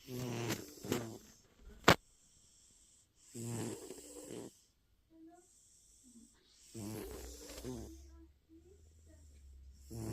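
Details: Male cat snoring while resting after a long day at the vet getting stitches; irregular raspy, snorting breath noises with quiet gaps between.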